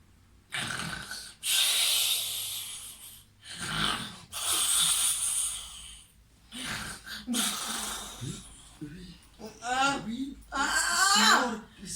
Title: Women can snore alone 🙄😂